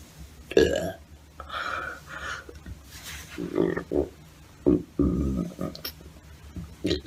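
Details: Several loud, low, rumbling belches in quick succession with brief sounds between them; repeated burping.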